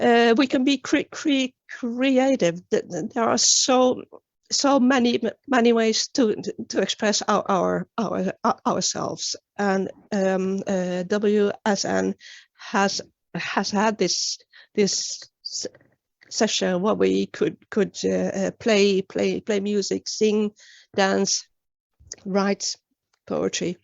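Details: Real stuttering in an adult woman, with word repetitions; finding: stuttering.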